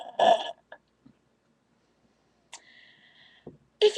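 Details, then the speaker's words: A short voiced burp, then quiet, a faint tonal sound and another burst at the end, as a deliberate burping demonstration: ordinary belching. "I haven't burped so well with any other drink than Dr Pepper I talk about it a lot because it's my favorite drink and it gives you good"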